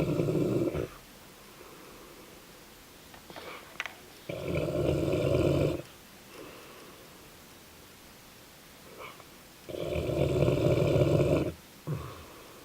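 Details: Dogue de Bordeaux (French Mastiff), sleeping: loud, rough, rattling snores with quiet pauses between breaths, about 10 breaths a minute; snoring.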